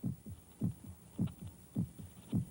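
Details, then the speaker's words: Human heartbeat in an old public-domain documentary, described as the heart pounding against the ribs: steady paired low thumps, about 85 beats a minute, over a faint steady hum; normal heartbeat. "one can hear things he never heard before the sound of air molecules beating against the eardrops the sound of the heart pounding against the ribs"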